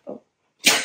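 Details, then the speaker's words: Cavalier King Charles Spaniel with a heart murmur, coughing after intubation for dental tooth-extraction surgery; single harsh, dry cough burst with a brief follow-on sound, attributed to throat irritation and inflammation from the tube. Post-intubation cough. "she she's been coughing a lot like this um and they said it was normal because she was she was intubated during um the procedure she had a tubed on her throat for oxygen so um it probably caused some inflammation and some discomfort on her throat"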